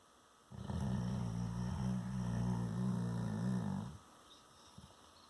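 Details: An Airedale terrier snores one long, low, rattling snore on a single breath in a quiet room.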